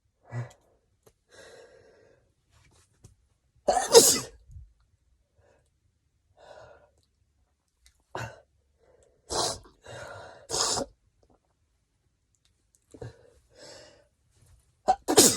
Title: stifles and wet desperate sneezes